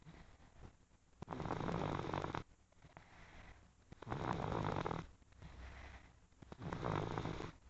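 Three harsh, rattling snores, each about a second long, roughly every three seconds; steady loud snoring.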